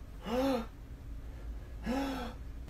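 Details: Two sharp, voiced, held-breath gasps about a second and a half apart, building up to a sneeze while onlookers urge it on; the sneeze follows.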